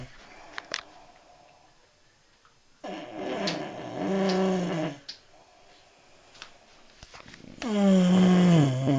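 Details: Loud, low, rattling snores from a sleeping man, two snores with quiet pauses between them; snoring.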